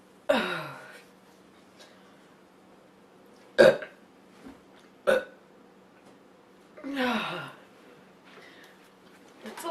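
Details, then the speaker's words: Young girl burping after drinking soda: several loud, drawn-out belches with shorter gulping burps between them in a quiet room; repeated burping. "It's a lot of burping for a little girl."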